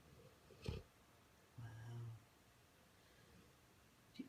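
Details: Sleeping Newfoundland dog, possibly dreaming, having its belly rubbed, gives a low, rumbling snore with a couple of soft snorts: snoring.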